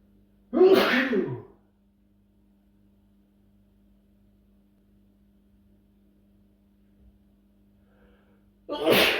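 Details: Two loud explosive sneezes several seconds apart from a man, each a sharp forceful burst of air; natural, unprovoked sneezes.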